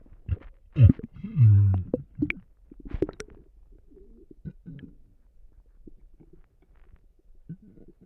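Low gurgling and rumbling bowel sounds, loudest early then fading to soft bubbling; ordinary stomach rumbling.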